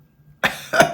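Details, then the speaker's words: Two brief, sharp coughs from an adult woman in a quiet indoor room; she says she feels fine after being ill but her voice is still unreliable: cough. "But as you can hear, my voice is still"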